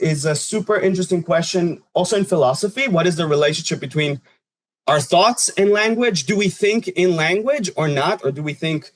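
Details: Adult speaker; normal speech.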